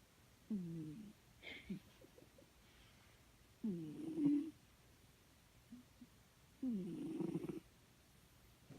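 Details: Cat snoring gently in sleep: three soft, low, rough breaths about every three seconds, roughly 20 a minute.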